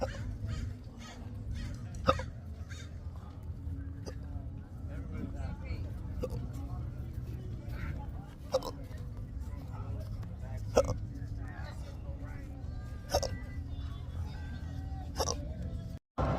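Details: Brief sharp catches every two to three seconds over steady low traffic rumble and distant talk; intractable hiccups in an adult with a long-standing debilitating condition.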